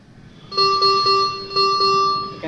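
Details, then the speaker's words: Critical care ICU ventilator training demo: repeated loud tonal alarm chimes over a low hum; a leak alarm signalling air escaping from the many connections in the ventilator circuit. "so basically it shows you are having some lis so in ventilator circuit we are having lot of the area for late because lot of connections are there"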